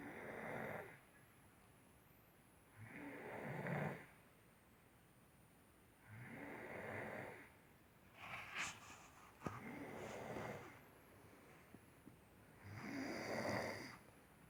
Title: 4-15-16 snoring(2)